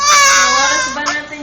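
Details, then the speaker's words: Infant girl crying over a wet diaper: a single loud high-pitched wail falling away into a softer whimper; infant crying. "Bakit kaya pala umiiyak eh umihi palitan na natin ng lambin Oo basa ka na to"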